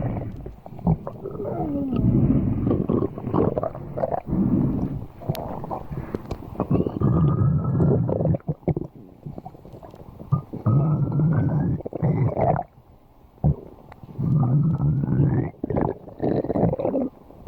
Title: Bakii's stomach Growling